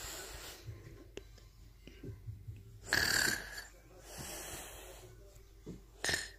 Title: Funniest snoring 😂😂lol